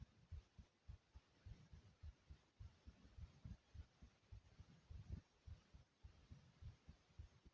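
Soft, regular low thumps in pairs, roughly 70 beats a minute, with faint room hum: an ordinary heartbeat.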